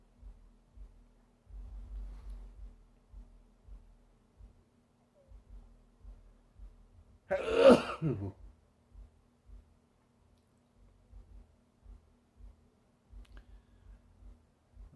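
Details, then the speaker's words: Single sharp, explosive sneeze in a quiet room with faint low thumps, from a person who has been sneezing nonstop for about 10 minutes in early spring; sneeze. "Been sneezing for about 10 minutes. Ugh. I can't stop, Abby."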